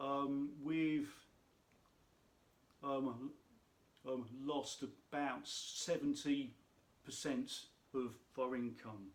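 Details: Adult man who states he has a stammer, which he says can be heard in his speech; stuttering.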